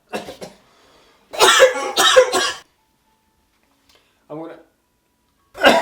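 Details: About six short, harsh coughs from an adult in a quiet small room, with a brief voiced sound between, during a daily pull-up workout (day 160, doing 21s).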